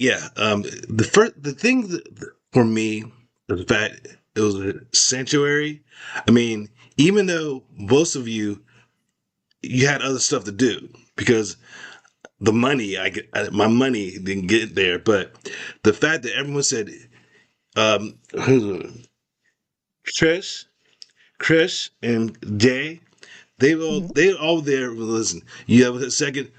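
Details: Adult male stroke survivor with post-stroke aphasia affecting expressive language, recovering after speech therapy, talking with his former speech-language pathologist; real. Finding: expressive aphasia.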